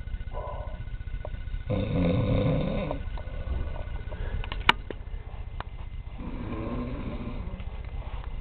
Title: Grimsby taxi driver snoring